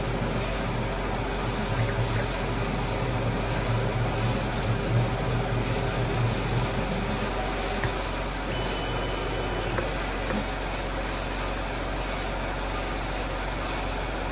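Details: 5-axis dry chairside dental milling machine for CAD/CAM restorations running: steady loud mechanical hum and grinding drone with faint tonal whine shifts.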